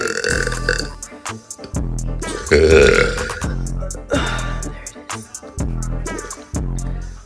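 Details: Young woman burping: long, loud, rumbling belches with music playing in the background; burping.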